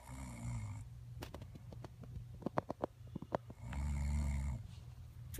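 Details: Girlfriend snoring: a low, rumbling breathing noise on each breath in and out, with a few soft clicks between breaths; snoring.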